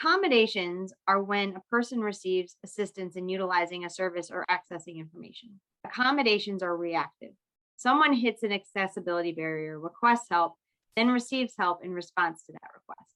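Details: Adult woman; typical speech.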